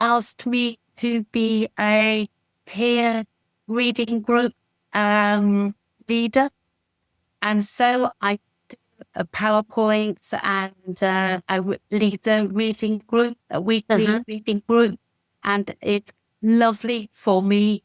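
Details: Adult woman with expressive aphasia after a stroke in December 2018, attending an aphasia support group; manages simple sentences, struggles with complex ones, and is worsened by fatigue and background noise: expressive aphasia.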